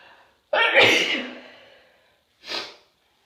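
A loud explosive sneeze that trails off, then a shorter second burst; two sneezes in a quiet room.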